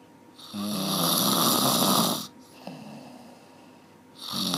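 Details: Long, loud, harsh snore on each breath in, with a softer rasping breath out between; a one-hour recording of typical heavy snoring.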